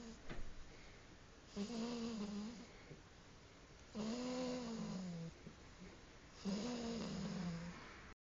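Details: Sleeping cat snoring: soft, droning, slightly tonal snores on the in-breath, about three slow breaths in eight seconds, in a quiet room.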